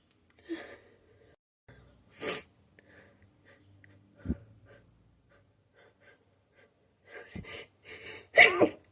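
A run of sharp sneezes, some held back into muffled bursts, with quick gasping breaths between them; a sneezing fit.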